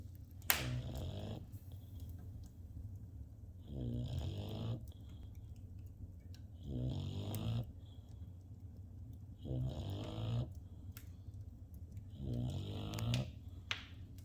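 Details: Deep rattling snores on each breath in, about 21 a minute, from Pearl resting by the fire in the evening, with quiet room noise between; snoring.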